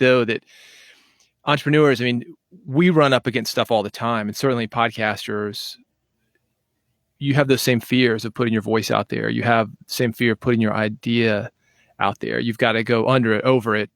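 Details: Adult male speaker; fluent speech.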